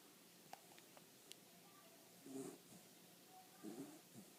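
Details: Snoring from Boo, aged 12 weeks.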